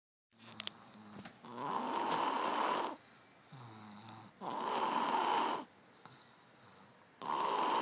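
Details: Snoring recorded on an Android phone: loud rasping snores with quieter in-breaths between them, about three in eight seconds.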